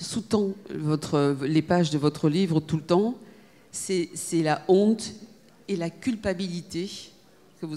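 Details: Adult speaker, French; Normal speech.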